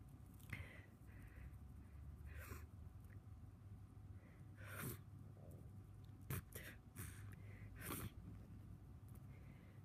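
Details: Repeated sneezing in a person with a cold, tickly nose and congestion; several short, sharp bursts of breath through nose and mouth over a quiet room hum.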